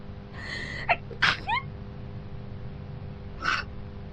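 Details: Girl with many allergies and sensitivities, sneezing nonstop in her apartment after a neighbour's cat moved in next door: two sharp sneezes a few seconds apart, the first preceded by a quick catching inhale. Sneezing fit.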